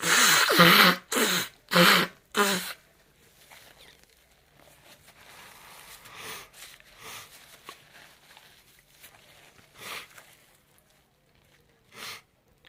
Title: More sneezing